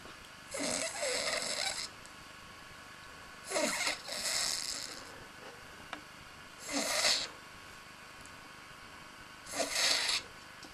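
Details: Stew sleeping after a big swigging session: airy, rattling snores with breaths about every three seconds in a quiet room; snoring.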